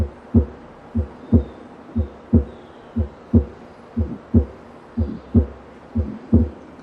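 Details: Teaching audio of the apical auscultation areas: regular heart sounds at about 60 a minute, with a soft noise filling the gap after the first sound, a systolic murmur from a ventricular septal defect.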